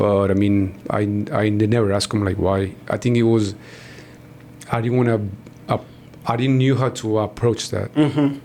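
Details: Adult man, born in Mexico and living in Texas, who describes himself as a person who stutters; stuttering.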